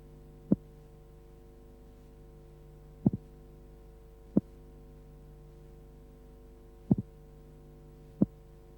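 Slowed simulated heart sounds over a steady hum: a split first sound and a single second sound, typical of transposition of the great arteries.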